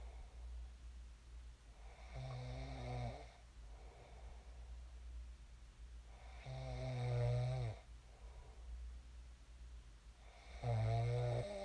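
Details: Adult's own sleep snoring, recorded before waking: loud, low, rattling snores on each in-breath, about 16 a minute, over a steady room hum.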